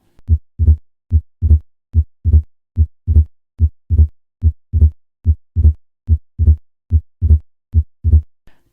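Regular heart sounds at about 72 a minute with a loud second sound, the accentuated P2 of pulmonary hypertension.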